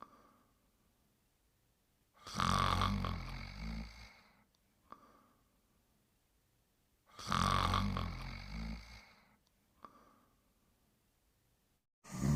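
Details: Sleeping and snoring: deep, rumbling snores on each inward breath, roughly every five seconds, with silent gaps between.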